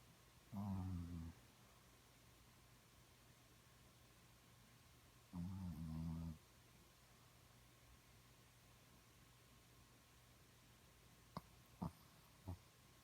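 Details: Sleeping dog dreaming: two low rumbling snores several seconds apart, then a few faint short sounds; snoring.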